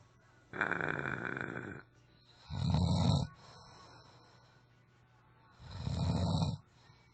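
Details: Sleeping friend snoring; loud, rough snoring on each breath in, with quieter breathing between snores and faint room hum: snoring.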